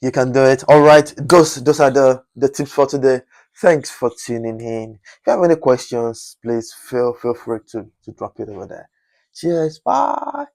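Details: Adult man whose stammering was once chronic and who still stammers occasionally; stuttering.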